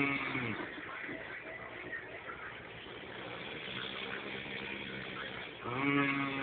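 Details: A hungover man snoring roughly during sleep, with laughter nearby.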